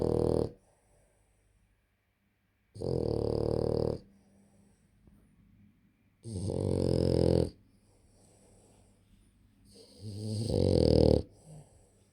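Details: Sleeping dog Hugo snoring: loud, low, rumbling breaths about every three and a half seconds, roughly 17 a minute, with quiet between.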